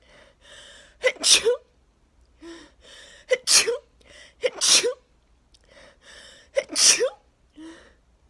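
Four sneezes in quick succession, each preceded by a gasping in-breath, with short breathy sounds between them; a sneezing fit from allergic irritation.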